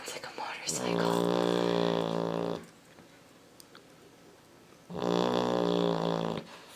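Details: Two loud, long, rattling snores from a sleeping Labrador puppy with a quiet pause between, first mistaken for a passing motorcycle; owner wonders if she's clogged up; heavy snoring.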